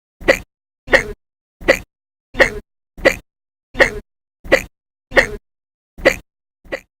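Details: Cartoon re-enactment of repeated loud hiccups, ten short sharp bursts about 0.7 s apart, in a woman after waking from an endoscopy; diagnosed with gastritis with pain beneath the ribs since February.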